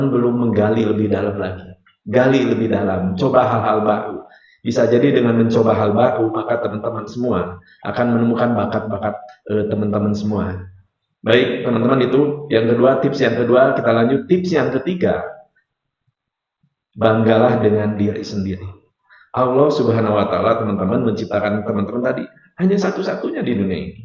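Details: Rhotacism (difficulty producing R) present since childhood in an adult man, a hypnotherapist, lecturer and motivator, speaking Indonesian.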